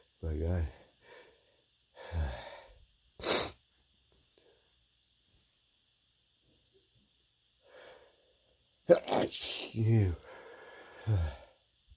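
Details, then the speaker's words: Person with an itchy, tickly nose: several short, muffled stifled sneezes with quick intakes of breath before them, in a quiet room; sneezing. "Oh. Sneeze again. Chew. Chew. Chew. Oh. Chew. Oh. So sneezy right now."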